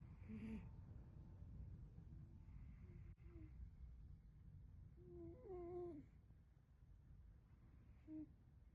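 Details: Soft, squeaky, whistling nasal sounds about every three seconds with breathing over a low rumble, from a sleeping cat; snoring.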